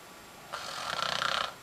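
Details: Woman in deep sleep, open mouth, snoring loudly: a single rattling, fluttering snoring breath.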